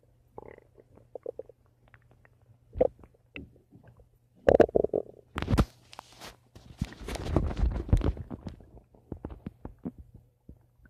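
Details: Person recording their own stomach making noise: borborygmi (bowel sounds).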